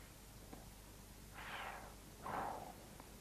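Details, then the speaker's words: Soft, low rustling breath sounds, two cycles, mainly on inspiration: normal vesicular breathing heard over symmetric lung areas, from a 1979 educational film on lung auscultation. "в норме над симметричными участками легких выслушивается везикулярное дыхание напоминающие звук она возникает во время вдоха и в первую треть выдоха вследствие колебаний альвеолярных стенок"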